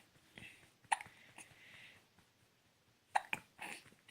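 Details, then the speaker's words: Three short, sharp hiccups from a baby within about four seconds, with soft breathy sounds between ("hiccup burps"); a common harmless event. "what is this you're moving backwards no more hiccup burps just hiccups"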